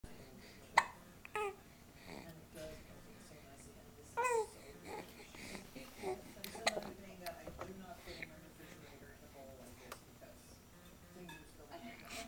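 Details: 2-month-old infant girl swinging, soft cooing in a quiet room broken by a few sudden, sharp, brief catches in the voice; infant hiccups.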